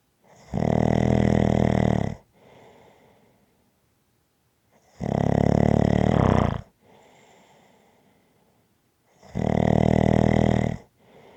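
Three long, loud rattling snores on the in-breath, with quiet out-breaths between, about 15 breaths a minute: ordinary snoring.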